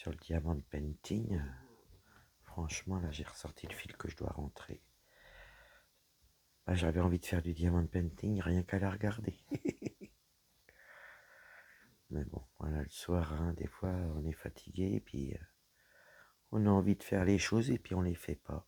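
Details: Woman whose vocal cords were damaged by a serious health problem; she reports her voice is now deeper than before, at times she has little voice, and she cannot speak loudly. Dysphonia with low-pitched, creaky voice.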